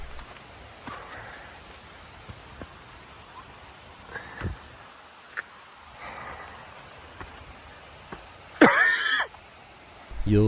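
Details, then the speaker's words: A hiker coughs while climbing a steep hill back to a trail and suspects an allergy to something in the air. One harsh cough burst and fainter throat sounds against a quiet outdoor background. "hear some coughing throughout this I actually cut out quite a bit of the coughing but uh it there was something that I don't know if it was in the air that maybe I was a little bit allergic to something like that but I was coughing an awful lot throughout this one"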